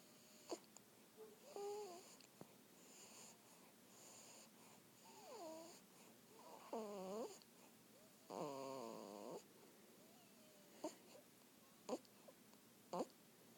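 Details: A person snoring: soft, high whistling squeaks and whiny tones recur with the breaths, with a few faint clicks between them, snoring with a nasal whistle.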